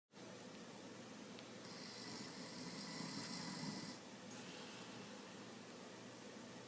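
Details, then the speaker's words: Loud snoring during sleep: a single rough, rattling snore over steady background hiss. "snores really loud. That's what I gotta deal with tonight."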